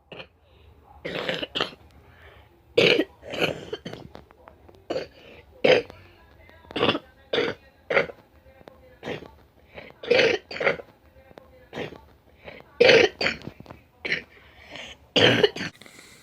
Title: Chesty Cough Compilation